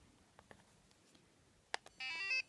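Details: Soft clicks then a short electronic tone sequence as a home laser therapy device (ORION STEP) session ends, treating a cat with recurring spring cough that a vet said was allergic.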